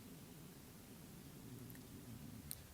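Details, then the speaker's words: Adult's stomach rumbling, soft low irregular gurgling: ordinary bowel sounds (borborygmi). "you could hear that that was my stomach rumbling"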